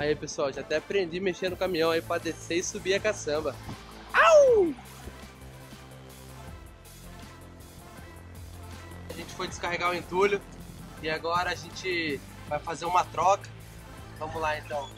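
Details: Adult man speaking Portuguese; normal speech.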